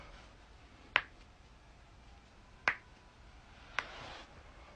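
Three sharp, separate cracking pops in a quiet room, typical of joint cavitation during manual adjustment; a normal, harmless sound.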